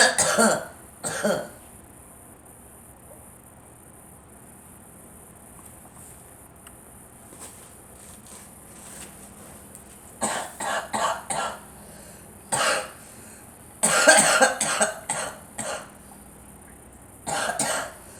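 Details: Young girl coughing: several bouts of short, dry coughs, some in quick clusters, separated by quiet stretches.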